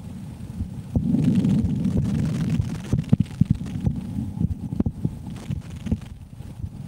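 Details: Normal heart sounds at normal rate from an adult woman through a stethoscope during an ASMR recording; one participant reports premature ventricular contractions.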